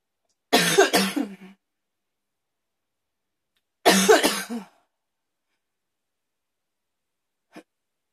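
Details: Afternoon coughing fits: two harsh bursts of three or four repeated forceful coughs each, separated by silence.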